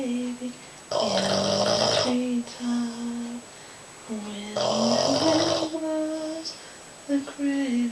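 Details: Sleeping Boston Terrier snoring: loud snorting, rattly snores on each breath, with whistling, squeaky tones between; snoring.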